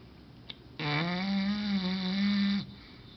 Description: My english bulldog Ballerina snoring very LOUD